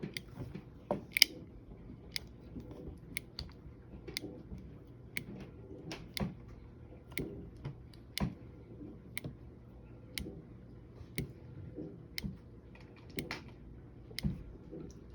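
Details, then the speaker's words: Omnipod 5 insulin pod priming, used alongside a Dexcom G6 by a patient changing both devices: regular sharp ticking clicks about once a second as the pod fills with insulin. "So that is priming. It is priming the pod to have the insulin in there ready for use."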